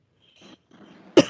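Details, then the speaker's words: Faint breathy rustling, then one sharp, loud explosive adult cough in a quiet room during an online Arabic grammar lesson: a single short cough. "I don't know who's coughing no it sounds like both of you"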